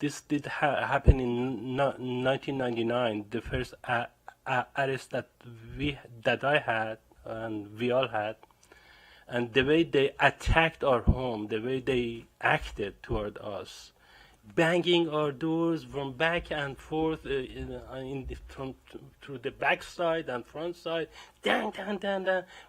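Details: Stuttering in an adult man that began after a violent home raid and arrest in 1999; he also reports depression.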